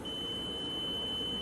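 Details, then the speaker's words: Alarm on a student-built smart medical ventilator prototype, test with a 78 kg patient, sounding when an FiO2 mode (52) is entered: steady high-pitched electronic tone over room noise. "and that alarm indicates that the patient has entered one of the modes of the FiO2."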